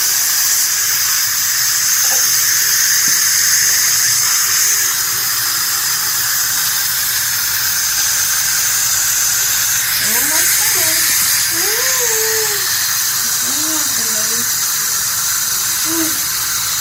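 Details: Loud constant hiss and rushing water with brief squeals from dental suction and water spray while a young child has sealant placed in his teeth to close gaps.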